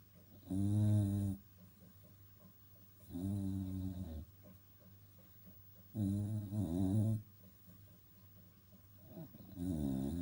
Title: snoring